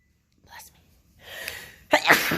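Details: Quiet catching breaths building to a sudden explosive burst of air with voice; one sneeze on day 5 of a head cold spreading to the throat.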